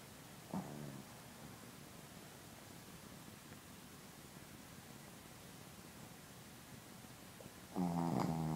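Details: Shih Tzu snoring: two low rattling snore breaths several seconds apart against steady room noise.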